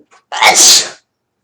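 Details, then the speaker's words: A single adult sneeze, announced just beforehand and described as quieter than usual: a brief intake of breath, then one sharp, hissing burst lasting under a second. "that was a relatively quiet one for me usually my sneezes are like so loud you can hear them across like uh they're very loud"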